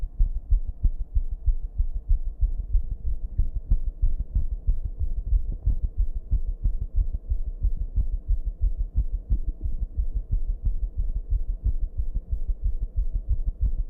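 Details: Fast, thudding, uneven heartbeat near 180 per minute: a racing rhythm turning irregular, with heavy breathing, recorded in a bathroom with a steady background hum; rapid irregular heartbeat.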